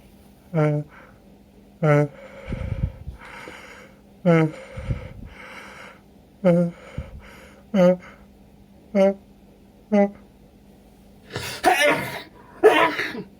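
Rapid series of short, sharp sneezes about every second or two with quick breaths between, then noisy nose blowing; a sneezing fit with a cold.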